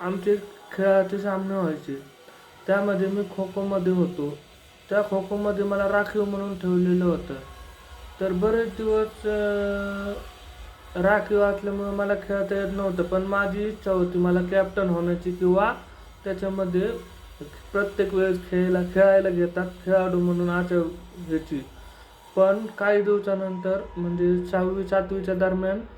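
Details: Speech of a deaf young man who learned to speak despite deafness from childhood; speaking Marathi.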